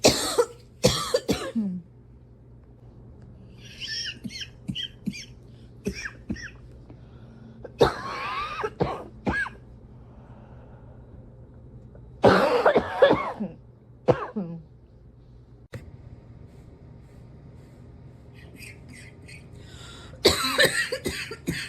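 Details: Adult with a cough that is still hanging on gives repeated harsh cough bursts separated by quiet pauses with faint squeaky breath sounds: persistent cough.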